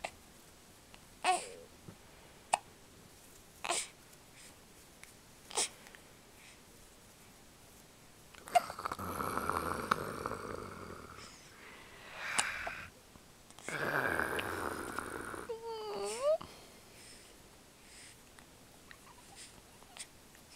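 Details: Baby girl with hiccups: brief sharp hiccups recurring every couple of seconds, with fussing and babbling between.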